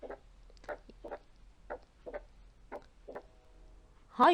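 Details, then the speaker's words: Paired heart sounds followed by an extra crisp high-pitched opening snap in diastole, typical of mitral stenosis; teaching recording in a pediatric cardiology lecture. "هنسمع كمان صوت السناب. السناب بيحصل امتى؟ ايوه في الدايستولي."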